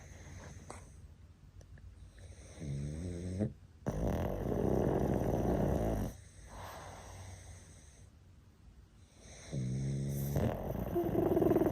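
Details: Three sleeping pugs snoring: rattling, snorting snores, some breaths long and loud, with a steady background hum.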